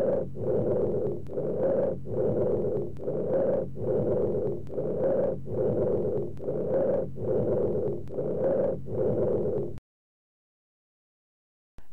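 Loud, harsh, hollow blowing breath sounds with a short pause between phases: bronchial breathing heard over the trachea.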